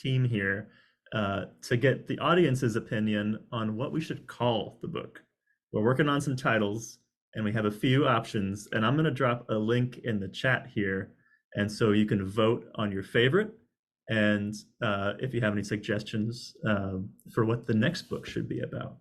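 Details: Adult male speaker; ordinary speech.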